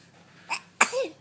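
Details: Sneeze, possibly from a baby: a small wind-up sound, then a sharp sneeze followed by a brief squeaky trailing note; a single sneeze.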